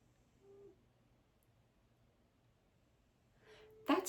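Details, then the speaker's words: A pet cat curled up tightly in a ball gives two faint, squeaky, whistling breaths a few seconds apart in a quiet room, likened to a little accordion; soft wheezy snoring. "Gracie she is curled up into a ball so tight that she's like snoring snoring wheezing oh my God sounds like a little accordion"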